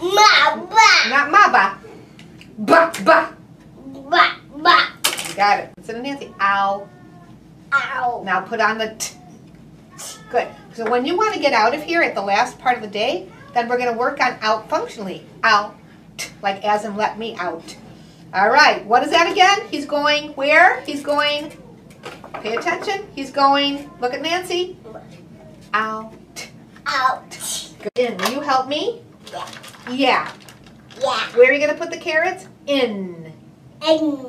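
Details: Adult female clinician speaking during play with a young child, whose brief vocalizations are also heard; normal adult speech.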